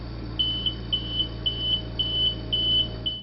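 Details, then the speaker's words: Oxygen concentrator alarm: a steady run of high, short electronic beeps about twice a second, which on some models signals certain problems with the unit. "On some models, an alarm indicates certain types of problems with the concentrator."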